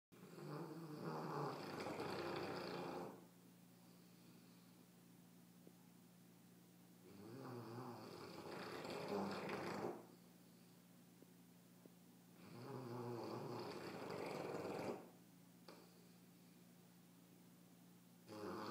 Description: Tired puppy catching some ZZZ's snoring like a freight train!